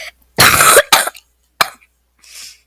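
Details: A sick child's harsh cough: a long burst, a shorter second one, then a brief third, followed by a soft breath.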